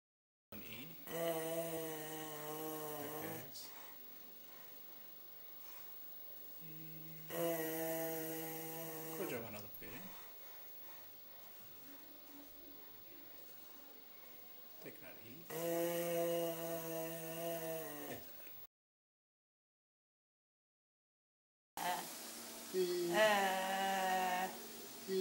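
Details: Reinke's edema (polypoid corditis): gel-like fluid under the vocal fold surface increases fold mass, with lowered pitch and effortful, unstable voice; voice of Reinke's edema.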